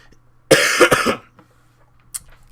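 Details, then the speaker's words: Adult with a hoarse voice: a short fit of three or four quick, forceful coughs run together in one burst. "I'm sorry about my voice and the coughing and all that, but yeah, so pretty much that's what's going on with me."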